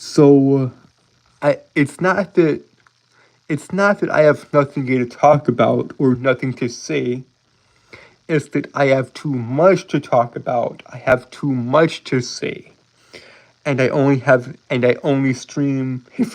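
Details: Adult male streamer with a self-reported speech impediment, with frequent word and phrase repetitions; speech disfluency (speech impediment).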